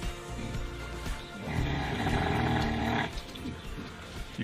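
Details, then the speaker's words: Older sleeping sow makes a deep, rumbling, rattling breath sound, likened to purring, with faint background music: ordinary snoring. "Is she like purring? She's snoring."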